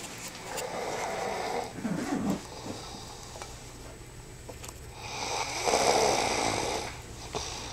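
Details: Woman asleep in bed snoring: loud, rough, rattling snores on her breaths in a quiet room.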